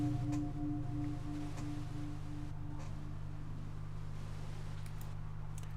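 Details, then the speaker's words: Gamma synchrony neurofeedback session in the dark training Broca's and Wernicke's areas and right-hemisphere counterparts for speech fluency; soft sustained gong-like tone fading over a low hum; neurofeedback reward tone. "Remember, every time you hear the gong, that is the reward signal."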